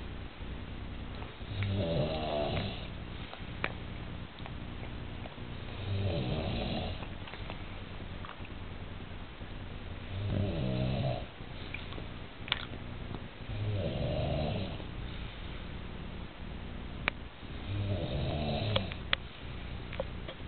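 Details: Adult snoring while napping after a large Sunday lunch: loud, low rattling snores about every four seconds, roughly 14 a minute, over steady low room hum with occasional clicks.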